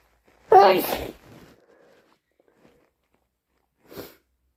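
One loud, forceful sneeze is followed by a faint trailing breath and a smaller second sneeze a few seconds later.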